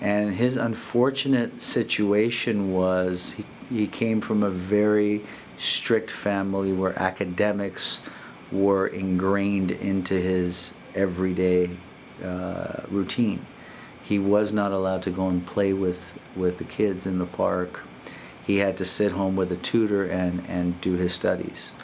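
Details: Adult male speaker; typical speech.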